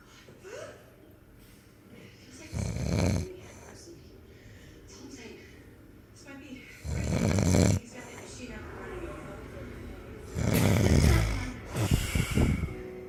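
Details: Three loud, rough, low rattling snores on inhaling, about 4 seconds apart, with quiet breathing between: snoring.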